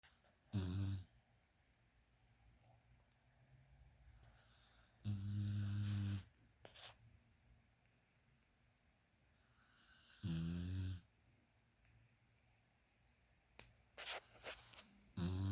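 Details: Sleeping hound dog snoring: loud, low, rumbling snores recurring about every five seconds, each roughly a second long, with quiet gaps between; snoring.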